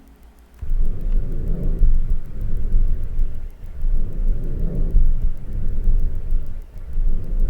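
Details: Vesicular breath sounds.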